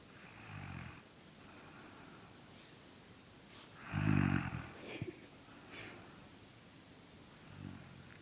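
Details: Little brother asleep and snoring, not waking as someone tries to wake him: soft low rumbling breaths with one louder snorting snore in the middle, over steady room hiss.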